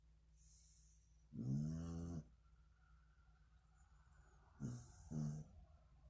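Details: Snoring recorded April 2020: low, buzzing snores on the in-breath with soft hissing out-breaths in a quiet room; snoring.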